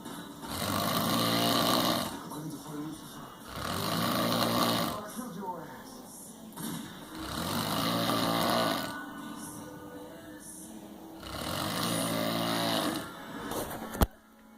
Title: Loud snoring